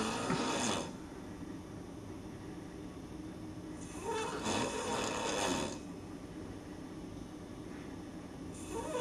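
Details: Adult man sleeping in a hotel room, snoring extremely loudly: loud, rough, noisy breaths in slow cycles with quieter pauses between; heavy snoring.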